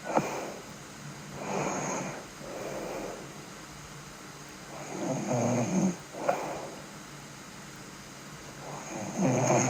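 Irregular snoring noises on the breath, roughly 16 a minute, with softer breathing and brief mumbling in between in a quiet room.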